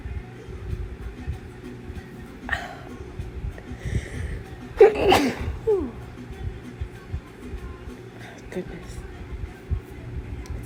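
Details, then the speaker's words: Forceful sneeze burst with a short follow-on sneeze, deliberately induced by the chhinkni technique and described as very intense, among breathing and soft voice, with background music; sneezing. "Honestly, probably have never sneezed like this in my life. But hey, at least it works."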